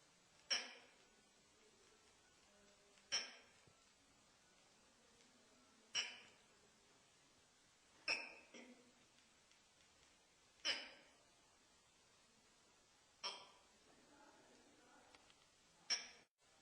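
Seven sharp, abrupt hiccup sounds at fairly even intervals, about 25 a minute, in a quiet room; a bout of hiccups.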